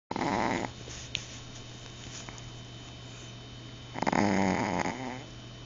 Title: Snoring Chihuahua